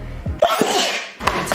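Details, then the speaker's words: A woman sneezes sharply and forcefully against a noisy background, with brief talk around it; some sneezes in this compilation may be faked for editing gags. "So I hope the next gen sneeze that's about to come out of my face comes with something like that."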